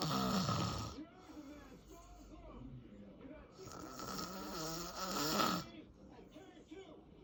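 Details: Adult man (father) asleep: loud rattling snores on two breaths, each followed by quieter croaking, gurgling throat sounds.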